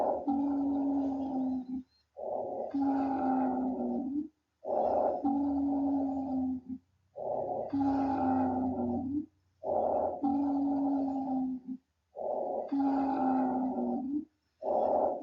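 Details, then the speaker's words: Rhonchi: repeated low-pitched, musical, snoring-like wheezes with each breath, mainly on exhalation, suggesting mucus buildup in lower airways; possible in bronchitis, COPD, pneumonia, cystic fibrosis. "ronkai are low pitched wheezings and they occur during exhalation it can indicate bronchial tube thickening due to mucus buildup typically in the lower airway ronkai is often referred to as a snoring sound"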